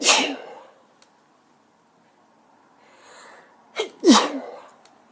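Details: Sneezing from a female: two sharp, explosive sneezes, the second with a quick inhaled lead-in, separated by quiet breathing.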